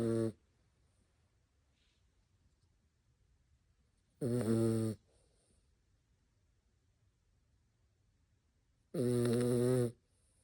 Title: My Dog Snores Like a Champ! #adoptdontshop #seniorrescuedog #doxie #dacshund #dog #rescue #snore